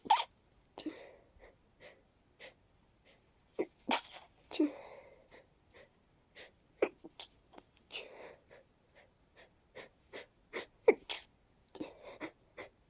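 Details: Person coming down with a cold, at night: a fit of many short, breathy, congested sneezes with sniffly build-up breaths between them; sneezing fit with nasal congestion.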